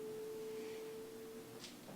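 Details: Steady single-pitch electronic tone from an AED trainer during an adult Heartsaver CPR/AED class, a simulated prompt before shock; room noise behind.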